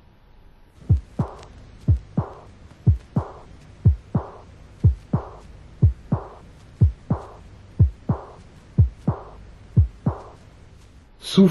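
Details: Aortic regurgitation (long diastolic murmur).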